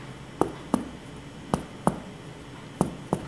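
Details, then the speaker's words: Chest percussion over the normal left side in a patient with right pleural effusion (stony dull right side, absent right lower breath sounds); six crisp finger-percussion taps giving a normal resonant note. "On percussion, compare the percussion notes on both sides. It is stony dull over the right side, while on the left side it is normal."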